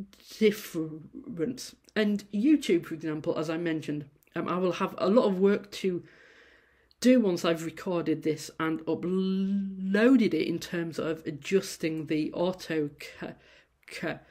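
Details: Adult female university lecturer who says she stammers; prolonged and repeated sounds at word starts; stuttering.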